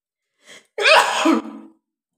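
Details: A brief in-breath then one loud explosive sneeze fading into a short voiced tail, deliberately triggered by tickling the nose with paper; single sneeze.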